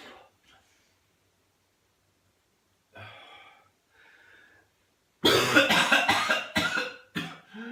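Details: Quiet breathing and throat noises, then a sudden run of harsh, rapid coughs: a whooping cough (pertussis) coughing fit.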